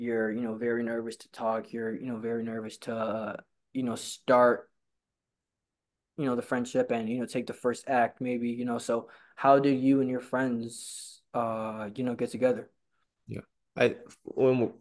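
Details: Stuttering in a male person who stutters who attends stuttering support group meetings.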